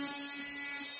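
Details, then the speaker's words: Steady high-pitched buzzing whine of an oscillating cast saw cutting along marked lines of a fiberglass cast on an ankle fracture; the vibrating blade cuts hard material but not skin. "Turn on the cast saw and gently press it against the fiberglass. The key here is to let the saw do the work—apply gentle pressure and move it slowly along the marked line. Remember, the saw vibrates to cut through the hard material, but it won’t cut the skin if used correctly."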